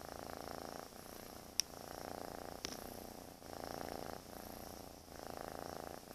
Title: Snoring Cat